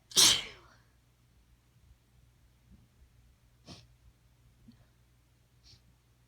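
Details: One forceful, explosive sneeze, then quiet breathing and faint sniffs, from someone with chronic allergies and a sinus infection who sneezes once every couple of minutes rather than in allergy fits; the sneezes are impossible to stifle.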